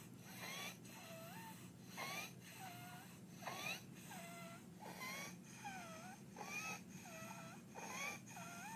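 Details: Infant with croup: inspiratory stridor, a high, harsh whistling sound on each breath at about 40 breaths a minute, with barking cough.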